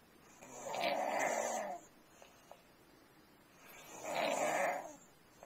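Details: Pediatric patient with snoring that has recurred after strep infection: two loud, rough snores on inspiration with quiet pauses between them.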